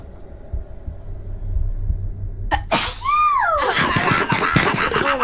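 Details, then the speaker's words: A woman sneezing repeatedly: a sharp inward gasp, then a loud explosive sneeze over steady background hum. "god, I've been sneezing."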